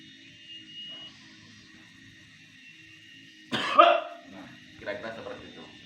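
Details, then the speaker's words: Health-education demonstration of effective controlled coughing to clear remaining phlegm: breath in 2 seconds, hold 4, blow out through pursed lips, repeated, then a quiet pause and one deliberate forceful cough with a softer follow-up. "Nah, baru yang terakhir dibatukkan. Ini posisi anggap aja sudah 3. Saya tanpa bicara dari mulai ngambil sampai saya posisi batukkan."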